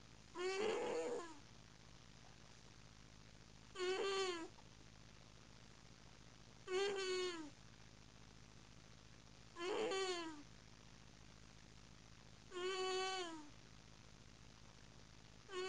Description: A black and white cat snores loudly. It sounds like muffled screaming.